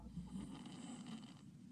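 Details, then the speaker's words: A sleeping child with sleep-disordered breathing, recorded February 6, 2009, snoring with low, rough rumbling breath noise during breath-holding, ending in a louder snort; snoring. "this is a picture of holding his breath right now he's snoring"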